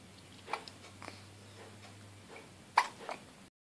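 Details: Two-week-old baby girl with hiccups: several soft, brief catching sounds at irregular intervals; newborn hiccups.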